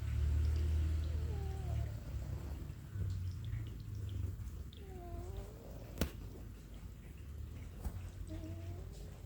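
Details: Sleeping black indoor cat making low rumbling breath noise with a few faint squeaky tones; gentle snoring, with rain in the background.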